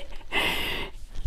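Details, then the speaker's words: Large Mastiff dog snoring very loudly while asleep at home: a single loud, rasping snore with faint room noise. "okay so as i'm doing this i don't know if you can hear junior he is snoring so loudly"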